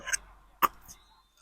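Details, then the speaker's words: Dog with two or three brief, dry, hacking cough bursts: kennel cough (canine infectious tracheobronchitis), a dry cough. "Bueno, si ves que presenta tos seca es tos de las perreras. Es una afección tráquobronque interviene agentes víricos como la parainfluencia, bacterianos como la bordetela bronche séptica, micoplasmas combinados o solitarios."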